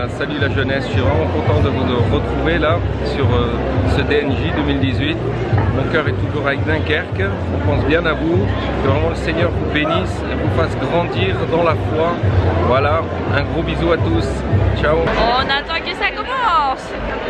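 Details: Adult male speaker; normal speech.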